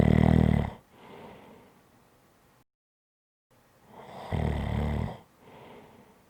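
Loud, rough, rattling snores on each breath in, each followed by a softer breath out.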